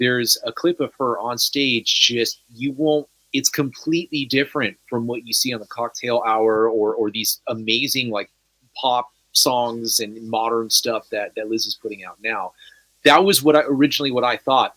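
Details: Adult speaker; ordinary speech.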